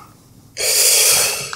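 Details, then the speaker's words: 25-year-old patient during a respiratory examination, asked to breathe all the way out and then take a deep breath for chest expansion; single smooth inhalation through the mouth, no wheeze: normal deep inspiration. "okay now what I'd like you to do is breathe all the way out for me and then take a deep breath"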